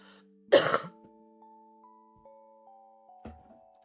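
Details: An adult female streamer doing a no-cough challenge, laughing and snorting just before, gives a single harsh cough then brief throat-clearing over soft background music. This is a cough.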